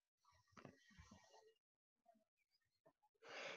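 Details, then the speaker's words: In a group physiotherapy session for people with osteogenesis imperfecta, a long, slow, wheezy exhalation ("breathe in and let it all out slowly") for airway clearance, followed by short sounds and a breathy burst, with coughing possible. "Cojo aire y suelto todo poco a poco."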